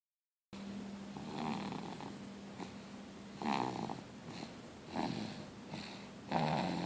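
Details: Snoring: soft, rhythmic snores with snorting breaths, about 20 a minute, over a steady low room hum.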